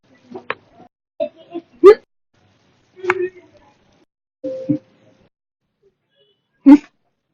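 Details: Hiccups recorded 11–13 July 2019, described as violent, slightly audible, silent and minute, lasting hours: brief sharp vocal catches at irregular intervals, some louder, quiet room.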